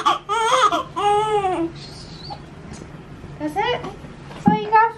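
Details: Several loud, high-pitched cries in short bursts with gasping pauses, from a newborn girl born at 37 weeks during her first bath, vernix still in skin creases; vigorous, normal newborn cry.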